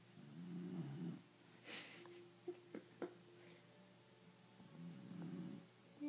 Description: Copper snores when he sleeps its pretty cute.